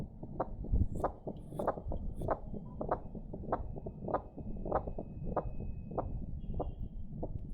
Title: Diastolic murmurs